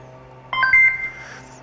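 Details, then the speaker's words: A short two-tone electronic beep over quiet room hum from an AIRVO 2 high-flow oxygen device, confirming its mode setting was changed between junior and adult after holding the button five seconds. "to change from junior to adult we're gonna press and hold this play button for five seconds after five seconds you'll hear a beep and it'll tell you that the settings have changed"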